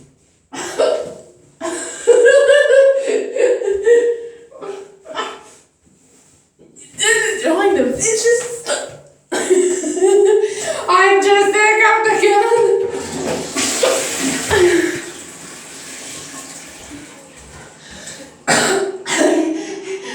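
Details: Laughter broken by sharp, abrupt hiccup sounds, with catching vocal bursts between breathy laughs: someone laughing while hiccuping.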